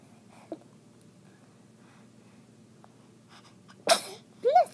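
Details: Quiet breathing, then a sudden burst of air followed by a short voiced sound; a single sneeze.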